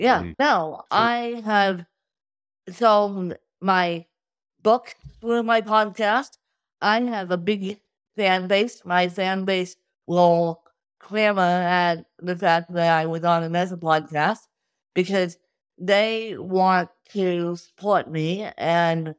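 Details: Adult woman with cerebral palsy from birth due to lack of oxygen at birth, with difficulty speaking; dysarthria (cerebral palsy).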